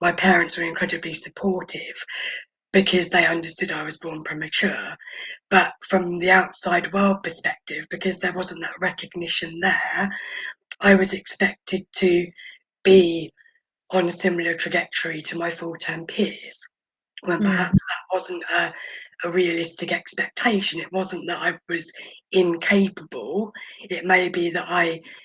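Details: Adult woman born prematurely who spent about 5 months in the NICU, mostly on a ventilator with oxygen; she has vocal cord paralysis caused by the ventilation; vocal cord paralysis.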